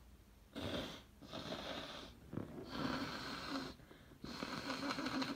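Four forceful, fluttering nasal blasts in a row, the sound of an adult blowing the nose.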